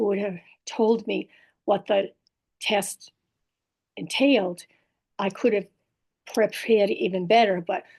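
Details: Woman in recovery after a stroke with aphasia, a language disorder, plus apraxia of speech and dysarthria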